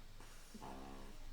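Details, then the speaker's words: Sleepy puppy asleep on the owner's lap: a brief, low, rumbling breath sound against quiet room noise; soft snoring. "um i don't know if you can hear but rosie's snoring right now"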